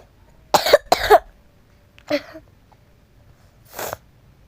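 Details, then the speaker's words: Four short coughs, two close together then two spaced apart, over a quiet background; a repeated dry cough from a person playing Roblox who complains of coughing for minutes. "batuk lagi ih batuk lagi batuk lagi ini apa ya gayanya ada yang bugiugi bak gak Le gak lehin aku oke nih udah berapa menit aku batuk mulu inih"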